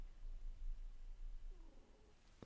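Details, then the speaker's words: Sleeping female cat snoring in the background: low, rough rumbling with a brief faint whine near the end. "Also, if you can hear Grayson snoring,"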